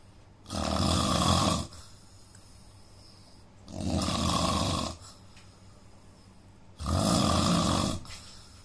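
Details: Indian man snoring in sleep, with a suggested nose problem: three loud, rough inspiratory snores about 3 seconds apart, roughly 19 breaths a minute, with quiet exhalations between.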